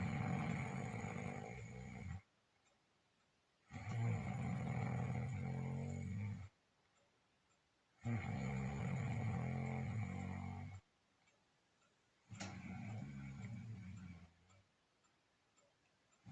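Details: Loud, rough, rattling snores on each breath, about four in sixteen seconds, with quiet pauses between; snoring during sleep, reportedly a husband's.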